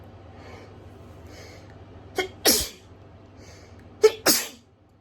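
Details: Hayfever sneezing fit triggered by grass being cut outside, filmed in a bathroom in September 2020: two forceful sneezes, each preceded by a quick catching breath; allergic rhinitis sneezing.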